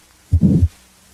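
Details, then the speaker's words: Crescendo-decrescendo systolic murmur of aortic stenosis: first rises in intensity, then falls. "a crescendo decrescendo murmur as heard with aortic stenosis first rises in intensity then falls"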